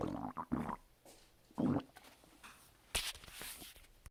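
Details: Stomach noises after a bowel movement: irregular gurgling and rumbling bursts from the abdomen; active bowel sounds (borborygmi).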